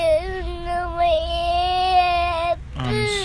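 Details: Sustained, high-pitched wail from a young child, then a short catch of breath and the cry starting again, crying just after bonking something.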